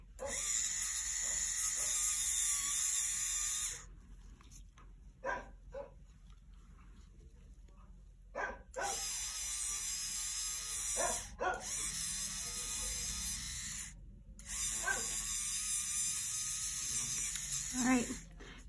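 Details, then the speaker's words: Rotating dental polisher with prophy cup and polish paste on a dog's back teeth during dental polishing: high whirring motor running in bursts with brief pauses and scraping. "I want to refill the cup on this polisher about every tooth or so"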